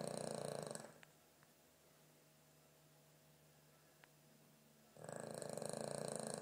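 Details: Fluttering, buzzy breath noise from a sleeping dog described as having problems beyond snoring, with a quiet pause of about four seconds between two noisy breaths; snoring.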